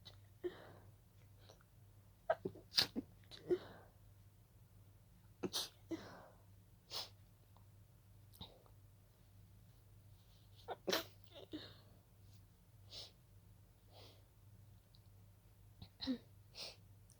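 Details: About a dozen soft, breathy, held-back sneezes in a series in a quiet room; a sneezing fit of stifled sneezes that began as a pollen allergy.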